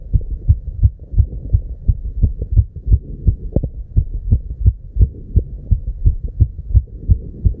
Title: Heartbeat 290 BPM -- with Real Heart Sound